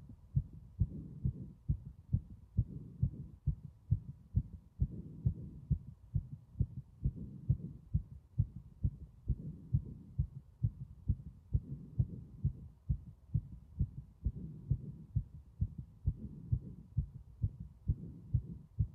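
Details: Heartbeat with strong sounds throughout: steady, regular, strong thudding heartbeat with loud heart sounds over a soft background rumble.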